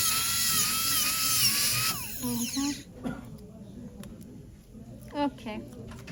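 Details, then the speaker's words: Dental drill removing previous composite before diastema closure restoration: high steady whine for about two seconds, winding down, then softer scraping and brief squeaks with background music. "so now I removed all the mup composite how can I prep prepare the animal surface for composite restoration"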